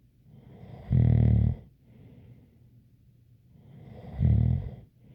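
Two deep, rumbling snores on breathing in, with a faint whistle and soft breathing between them.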